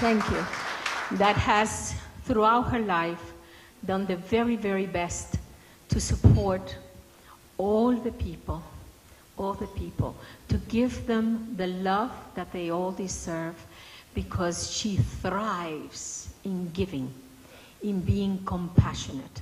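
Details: Adult speaker; no disorder.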